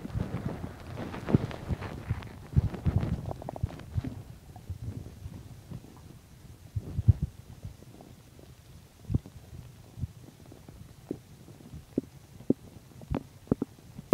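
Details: Stomach growling while digesting chicken and milk: low gurgling rumbles, then scattered clicks and pops of ordinary bowel sounds (borborygmi).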